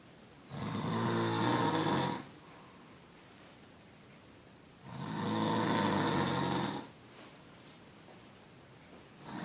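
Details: Bulldog compared with Beau; the bulldog was thought louder but turned out not to be. Two long, loud, buzzing snores about four seconds apart, each about two seconds, slow breathing rate: dog snoring.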